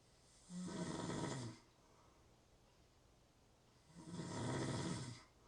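Two long, harsh rattling snores about a second each, with a quiet gap of over two seconds between them; snoring during sleep.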